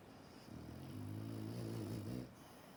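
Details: Bulldog snoring while asleep and dreaming: a single long, low, rumbling snore on inhalation, typical of a flat-faced dog.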